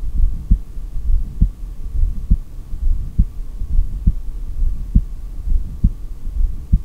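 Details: Heartbeat through a stethoscope during a long breath-hold in a single-take recording: regular low thumping at about 67 per minute over a faint steady hum, a normal rhythm.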